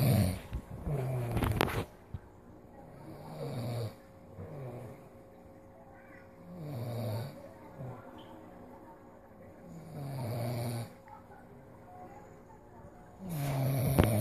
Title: Daddy snoring like a tiger